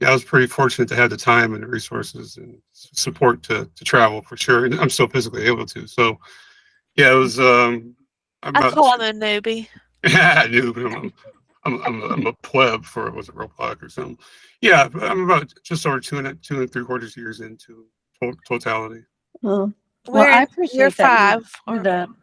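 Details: Dysarthria in an adult woman with multiple system atrophy; uses a voice enhancer to amplify her voice at times, has had speech therapy, and has swallowing problems.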